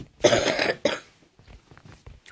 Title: Pranking my mum/cough attack at the end